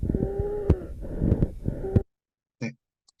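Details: Example lung sounds from the ICBHI 2017 dataset: low musical wheezes with scattered sharp crackles over noisy breath sounds, abnormal breathing used for object-detection model training.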